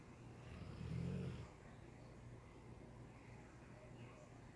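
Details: A sleeping dog gives a single low, rough snore, then quieter steady breathing against faint room rumble: ordinary dog snoring.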